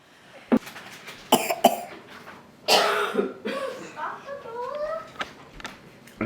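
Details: Several short harsh coughs from a young boy, with brief speech and a throat clear between them; he has a bad cough during a family illness but sounds better than before; persistent cough.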